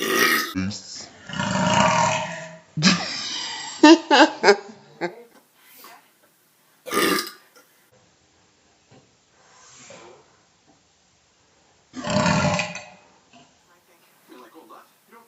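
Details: Several loud, drawn-out burps from a man, separated by pauses, with brief voices around them: burping.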